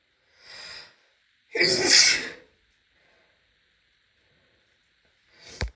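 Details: Female sneezing after a shower: a soft intake of breath, then a loud, explosive, hissing sneeze, with a second sneeze just starting at the end.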